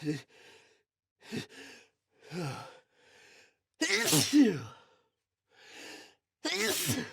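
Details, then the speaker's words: A person has a bout of repeated sneezes, with gasping in-breaths between them and the later ones loud and forceful, described as tickly and leaving them lightheaded and dizzy. "That will most definitely leave me randomly sneezing throughout the next few days. And it still tickles."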